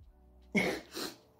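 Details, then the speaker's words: Sneeze from a person four months on testosterone who also reports spring allergies: a single sudden, loud, explosive burst with a softer trailing second puff over faint room hum. "my sneezes have changed that's one thing I've started sneezing up my dad really loud"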